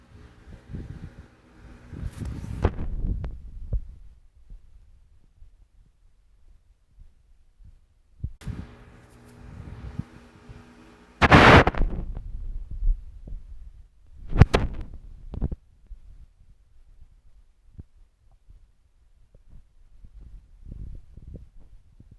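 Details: Stomach growling recorded by pressing a phone against the stomach: irregular low rumbles and gurgles, borborygmi.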